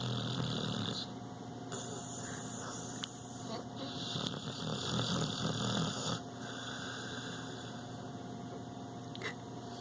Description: I found my pit laid out on the couch, eyes rolled back in his head snoring, LOL pretty funny stuff.